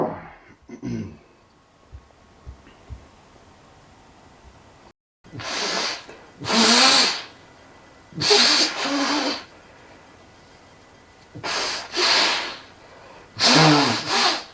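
Several loud, forceful sneezes, some in quick pairs, after a quiet stretch with faint breathing and clicks.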